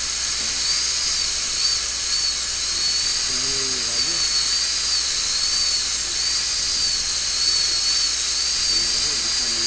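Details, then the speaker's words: High-speed handpiece with a relatively large diamond point reducing the incisal two-thirds of the labial surface of a maxillary central incisor by a uniform 1.2 mm, all-ceramic crown abutment preparation in a student lab: continuous high-pitched whine with hissing water spray and faint voice. "지금 현재 인사이살 3분의 2 부분, 인사이살 측의 레비알 서페이스를 삭제하고 있습니다. 균일하고 매끄럽게 1.2mm가 삭제되도록 해야 되고, 사이즈가 비교적 큰 그런 다이아몬드 포인트를 이용을 하면 되겠습니다."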